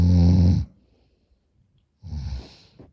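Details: Short nap by a person who reports being more tired and snoring louder: one loud, deep, rattling snore, then a pause and a softer breath; heavy snoring with sleep apnea.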